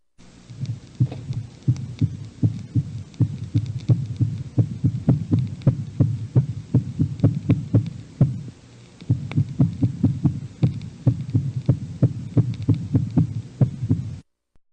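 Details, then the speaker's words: Auscultation: fast, irregular heartbeats whose first heart sound keeps changing in loudness. This variable, arrhythmic first sound is characteristic of atrial fibrillation or atrial flutter. "Este primer ruido cambiante arrítmico es característico de fibrilación o flúter atrial."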